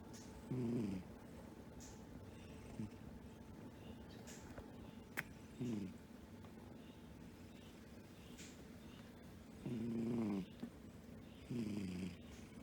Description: Elio is a silly cat and we caught this funny cat snoring yesterday.